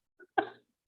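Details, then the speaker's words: A dog coughing in the background during an online podcast recording: one short, soft cough, a faint catch then a single harsh burst. "Sorry, my dog is coughing in the background, but yes, that sounds great."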